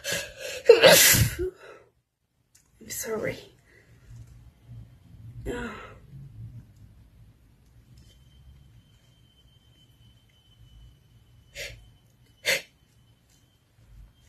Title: Induced sneezing 🤧🤧🤧